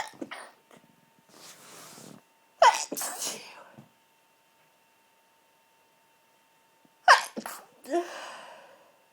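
Three forceful, partly held-back sneezes with sharp bursts and breathy inhalations between them; stifled sneezing.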